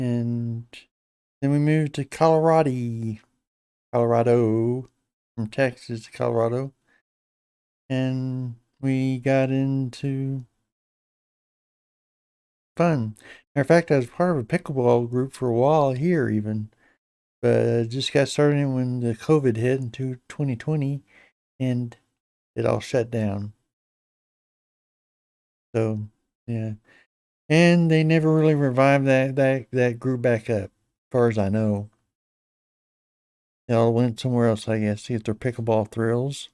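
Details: Hypokinetic dysarthria in an adult man with Parkinson's disease for a little over 10 years, treated with deep brain stimulation since 2017; he reports his voice is less clear than in earlier years.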